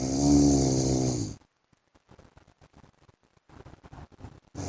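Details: Husband's heavy snoring while asleep: a loud, low, rattling snore on breathing in, then quiet with faint clicks before the next snore begins.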